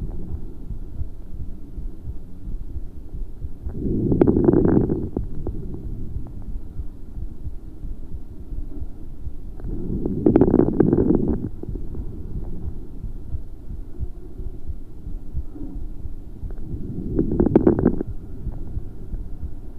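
Slow breaths with brief, fine crackling pops clustered at the end of each inhalation.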